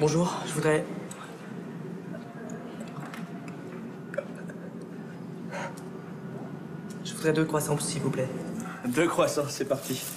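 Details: Acted scene from a short film made by a filmmaker who stutters: a stuttering character struggles to get words out while ordering in a bakery; stuttering.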